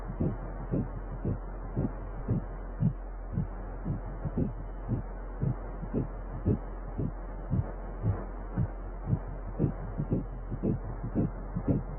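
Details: Fast, regular whooshing pulses at about 115 a minute over steady machine hum; fetal heartbeat on ultrasound at 6 weeks of pregnancy.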